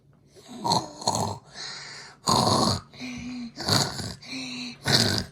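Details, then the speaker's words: A child asked to show how grandma snores makes short snorting, rasping breaths in quick succession, alternating with whistly breaths out; a snoring imitation, not real sleep. "okay okay okay show me how does mom snore [Laughter] okay show me how does daddy snore"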